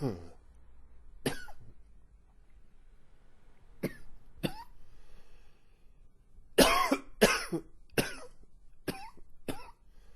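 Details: Long, wheezy coughing spell with a few gags: about nine harsh cough bursts in irregular clusters, some with a wheezy, strained edge and a throat-clearing quality.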